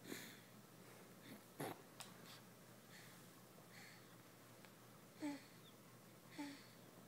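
Quiet breathing broken by a few short, irregular nasal snorts and sniffs in a small room.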